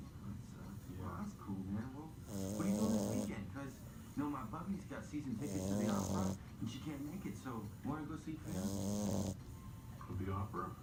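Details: Merle French Bulldog puppy snoring, with loud rhythmic rattling snores about 20 a minute, each with a deep throaty flutter.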